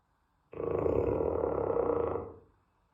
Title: Caught Loudest snoring 💤.💯💯Real